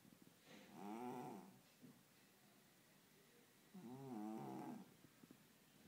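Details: Two slow, soft, droning snores a few seconds apart from a sleeping female cat; gentle, normal snoring in sleep.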